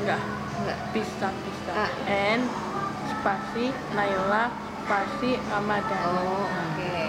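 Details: Girl with very severe hearing loss detected at 1 year 7 months, hearing aids insufficient, later given a cochlear implant and habilitation, now in grade 5 at regular school; speech of a child with a cochlear implant for profound hearing loss.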